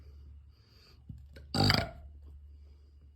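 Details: Baby boy burping; one short, throaty burp over faint background noise; ordinary infant burp.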